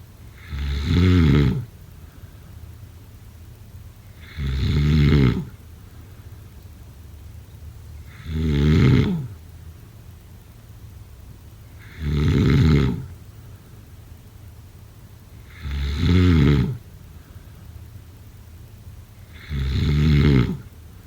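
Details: Regular low rattling snores on each inhalation, about 16 per minute, with quiet pauses between; snoring.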